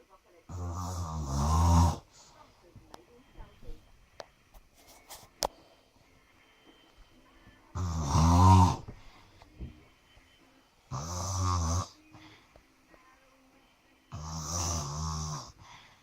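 Deep, rattling snores on breathing in, four in sixteen seconds, with quiet pauses between; ordinary loud snoring during sleep.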